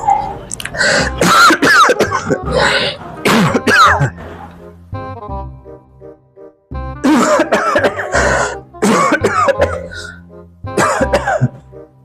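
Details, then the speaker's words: Acted comedy sketch: an adult man with a sore throat gives harsh coughs and throat clearing over background music throughout; cough. "ज्यादा खांसी हो रही है क्या? हां बस गला गला सा खराब हो रहा है यार।"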